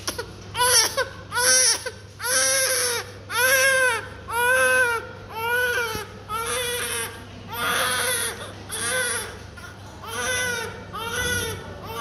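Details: Healthy newborn who has not opened his eyes, crying during a doctor's examination including a heel check: rhythmic, strong, vigorous crying at about 60 cries a minute.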